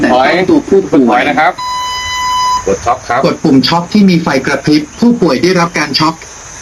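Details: CPR and AED training demonstration: automated external defibrillator voice prompts with a steady electronic tone between phrases, guiding rescuers to compress in time with the prompts and to stand clear before a shock.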